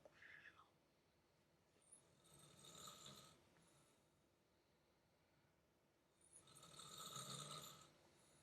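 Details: Two adults (parents) snoring very loudly in sleep.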